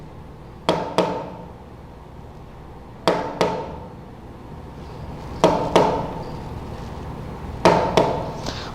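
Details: Pulse demonstrated on the Harvey simulation mannequin: sharp knocks in pairs, a short gap then a long pause, repeating about every 2.4 seconds; bigeminy.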